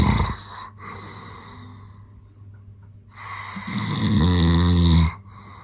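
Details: Adult man snoring in his sleep at night: a loud, rough, low-pitched snore on a long breath in, after a quieter stretch of breathing, with a faint steady hum in the background.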